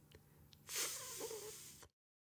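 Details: Dentalized lisp demonstrated by a speech-language pathologist: the tongue pushes against the back of the front teeth, giving a muffled /s/.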